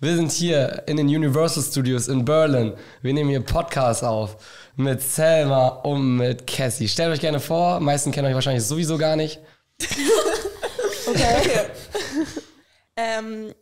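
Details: Adult speaker; normal voice.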